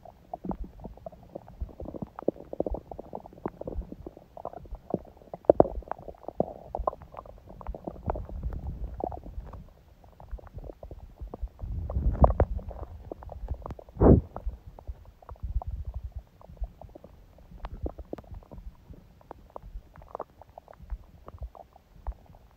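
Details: Adult's quiet abdomen on a day of a smoothie breakfast and salad, with little hunger growling: soft, frequent gurgles and clicks with a few louder rumbles, ordinary quiet bowel sounds.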